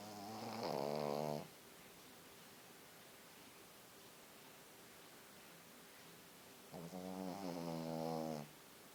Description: Kim, my little white pekingese dog snoring